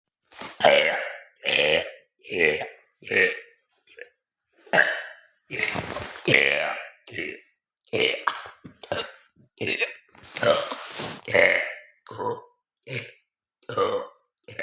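A rapid run of about seventeen loud, croaky belches in quick succession; repeated burping.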